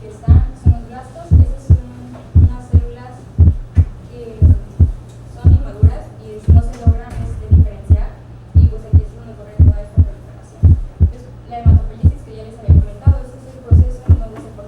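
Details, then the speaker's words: Heart sounds with a regular rhythm at about 58 per minute and a low hum; the first heart sound is abnormally split, as can occur in right bundle branch block. "En el bloqueo de la rama derecha puede ocurrir un desdoblamiento anormal del primer ruido cardíaco."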